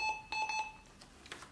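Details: Quick series of electronic beeps over room noise: the low airway pressure alarm of a MEDUMAT Easy CPR emergency ventilator during a function check, after the test bag is disconnected.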